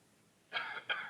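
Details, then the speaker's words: Awake intubation airway topicalization: viscous 2–4% lidocaine is dripped over the tongue from a needle-free angiocath. Two brief, sharp reflex coughs follow, showing the anesthetic has reached the larynx. "the patient I don't know if you could hear that but the patient will cough meaning it goes into the right place"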